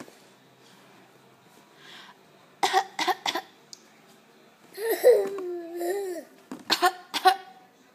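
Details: A young child (Harper) gives a few short, forced coughs around a drawn-out voiced sound, deliberately faked, not illness; voluntary (fake) cough.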